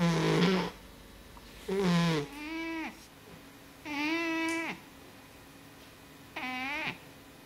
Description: This is Oska my Chubby Chappy Snoring his head off. He is a British Shorthair "Blue"